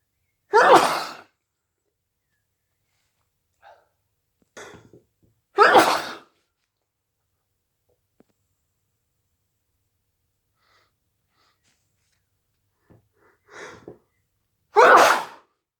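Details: Induced hay fever sneezing: three forceful sneezes, each preceded by a short catching inhale, in a quiet room.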